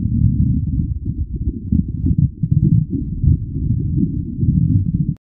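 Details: Woman's stomach growling, recorded on request: continuous low, gurgling rumbles rising and falling without a break; borborygmi.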